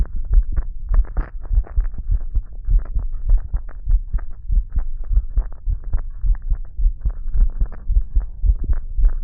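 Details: Steady low thumping heartbeat in paired thuds, roughly 100 beats a minute, described as a nice relaxed normal heartbeat.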